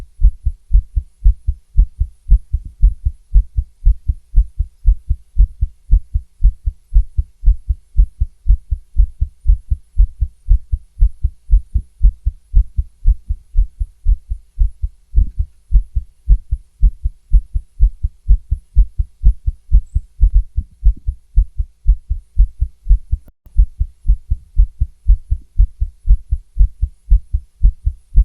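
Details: Stethoscope recording of a female's rapid heartbeat, near 118 per minute, mostly regular with occasional pauses where beats seem skipped: tachycardia with skipped beats.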